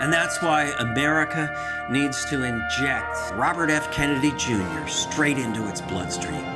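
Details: Adult man; normal speech.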